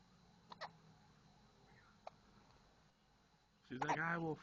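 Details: Hiccups in a little girl: three brief, sharp gulping hiccup sounds in a quiet room, followed by a person speaking.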